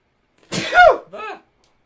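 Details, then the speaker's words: Adult man sneezing, attributed to dust in the nose rather than illness: a single loud voiced sneeze with a hissing burst and falling vocal trail, then a brief voiced aftersound. "wait why am i sneezing I'm getting sick not really you know what winds me up when people go oh you sneeze you're getting sick it's like no sometimes just get some dust in your nose"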